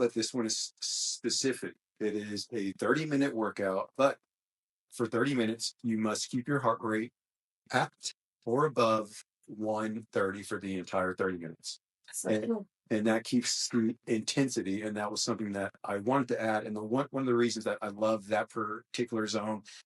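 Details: Male speaker with a self-described small speech impediment, a stutter, which he links to his mind always moving fast since childhood; stuttering.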